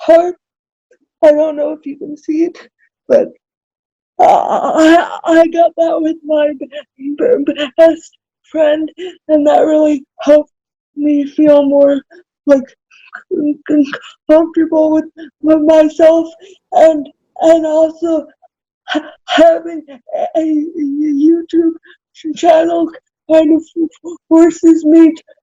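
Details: Adult woman with cerebral palsy who describes herself as spastic, speaking in a real, unacted podcast interview: dysarthria (cerebral palsy).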